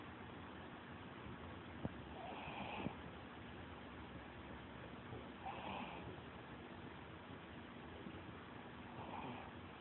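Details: Sleeping puppy snoring: soft, faint snores about every three seconds, roughly 18 a minute, over steady background hiss.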